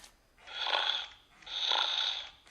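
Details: Gund Snoring Rover plush toy: two slow, hissing, breathy snore sounds rising and falling evenly; simulated toy snoring, not real.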